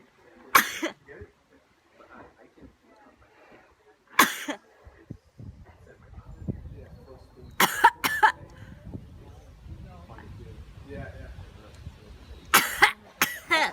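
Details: Several short, sharp bursts of sneezing or coughing, some in quick pairs, with quiet breathing between, possibly provoked by nasal swab testing or yoga neti tube through the nose; sneezing.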